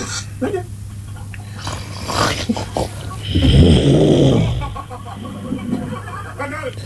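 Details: A sleeping female snores once, deep and rumbling, amid low room hum and soft rustling. Ordinary snoring during sleep.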